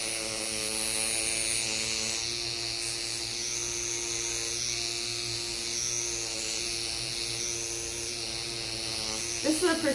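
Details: Microneedling pen running over the posterior neck, under the ears and along a lateral line during neck rejuvenation with stem cell growth factors: steady high-pitched electric buzzing, continuous.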